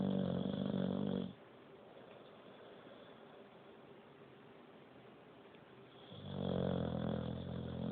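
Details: Boxer dog snoring loudly while asleep: loud, buzzing snores with long quiet gaps between breaths.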